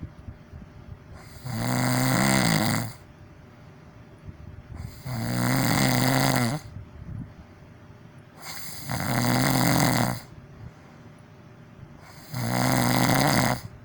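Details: Four loud, rattling snores at a steady pace, about 17 a minute, with quiet pauses between; deliberately loud snoring made for an ASMR entertainment recording.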